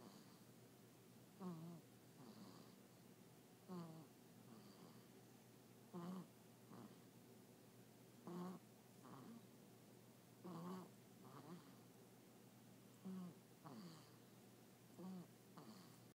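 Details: Snoring at 5 weeks of age: soft, regular snores about once every two seconds over steady room hum during sleep.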